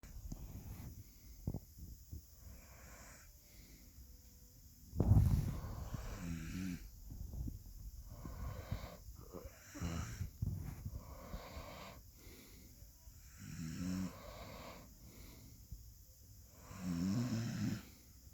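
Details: Repeated low, rattling snores with whistling, wheezy edges from a sleeping dog, a few seconds apart; snoring.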